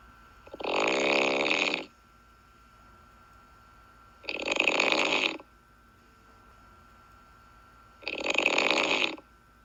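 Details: Snoring during sleep: three harsh, hissing snores at a steady pace of about 16 a minute over a faint steady hum.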